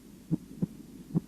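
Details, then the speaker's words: Normal heart sounds at the apex on cardiac auscultation, where listening begins to distinguish the first from the second sound, timed against the apical impulse or carotid pulse. "аускультация сердца начинается с выслушивания верхушки для отличия первого тона от второго звуковые явления сопоставляют с верхушечным"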